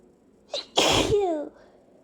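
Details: Person sneezing unusually big and repeatedly, still feeling the urge to sneeze afterward: quick in-breath, then one forceful explosive sneeze with a voiced tail.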